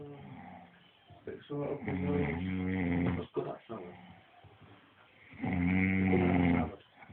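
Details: Sleeping adult snoring: deep, buzzing, droning snores with a strong low rumble, separated by quieter gaps, with music and talk; loud snoring.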